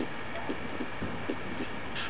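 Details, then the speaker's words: Severe aortic stenosis on the SAM simulator heard at the aortic area: harsh systolic murmur lasting throughout systole, late peaking and ending at S2, over faint heart sounds. "simultaneously you are hearing this sound as heard at the aortic area note that the murmur is throughout systole with late peaking ending at s2"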